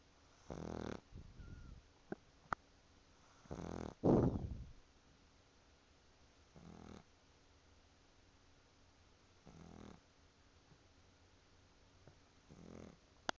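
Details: Sleeping pug snoring.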